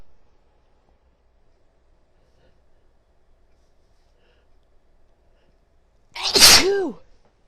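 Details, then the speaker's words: Female with a desperate, repeated sneezing fit; after a quiet stretch, one loud, sharp, hissing sneeze with a falling voiced tail. "Oh my god. What a tease. Achoo! Oh my god, that was so wet."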